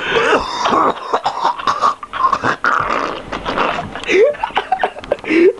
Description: My Buddy with one of his funny face looking coughs !